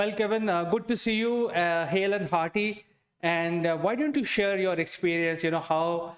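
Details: Adult speaker; typical voice.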